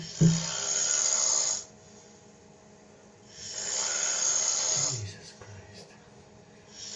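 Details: Heavy snoring from an adult recorded by others overnight while asleep in a hotel room: long, loud, rasping snores separated by quiet pauses.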